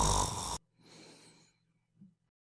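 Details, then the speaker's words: Snoring: vibration of the soft palate from air forced through a throat narrowed by excess tissue (large tonsils, soft palate or tongue) or by a relaxed tongue dropping back during sleep. "Air currents competing through narrow spaces in the throat cause the soft palate, essentially a piece of soft tissue hanging in the throat, to vibrate. This vibration is the source of the noise we hear when someone is snoring."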